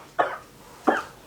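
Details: Two short, dry cough bursts, faked by a man acting sick in a coughing prank on friends.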